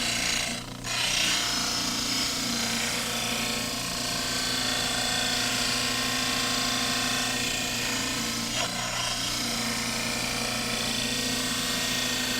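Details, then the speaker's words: Dental cast trimmer trimming the mandibular diagnostic plaster cast for complete dentures: steady motor whine with continuous gritty grinding. "the mandibular cast is trimmed in a similar"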